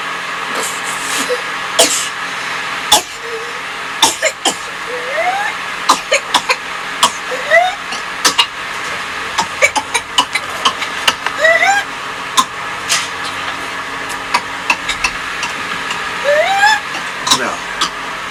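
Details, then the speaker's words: Pediatric patient with whooping cough (Bordetella pertussis): runs of rapid, violent coughs, each followed by a high, rising, crowing deep in-breath, the whoop. "So you heard the coughing followed by that deep inhalation. That's the whooping cough."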